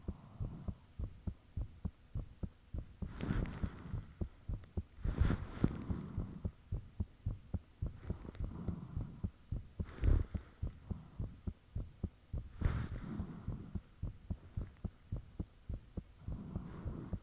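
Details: Self-recorded heartbeat with the fan off, taken shortly after the heart became very thumpy: steady, strong thumps at about 105 per minute, with faint whooshing between beats and a steady hum behind.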